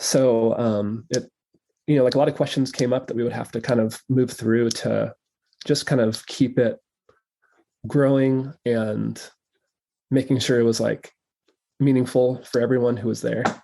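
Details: Stuttering in an adult male who has stuttered since childhood and now stutters openly, in real conversational speech.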